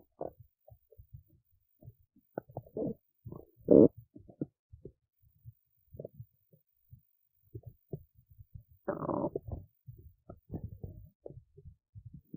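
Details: Hungry belly after a skipped lunch: irregular gurgles, squeaks and bubbling rumbles with two longer growls; normal hunger borborygmi.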